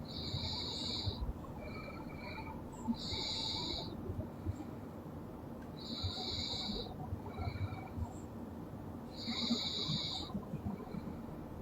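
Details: Loud snoring in a sleeping girl: repeated hissing, snorting breaths about every three seconds over a steady low room hum.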